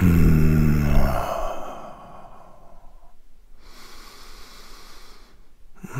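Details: Snoring sound-effect recording: a loud, low, rattling in-breath snore that fades out, followed by a softer airy breath.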